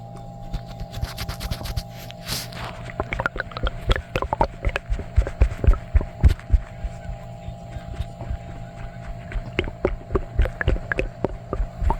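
Frequent irregular gurgles and squelching pops from the belly, typical of active bowel sounds.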